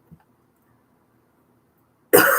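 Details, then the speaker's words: Person who is sick: a faint throat sound, a quiet pause, then one loud, harsh cough cut off at the end. "[clears throat] forgive me if I sound like [ __ ] because I am sick."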